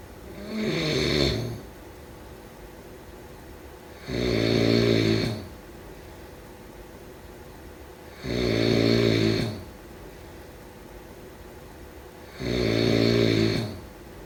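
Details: Sleep snoring: loud, rattling snores on each breath in, about 16 a minute, evenly spaced with quiet breathing out between; ordinary snoring.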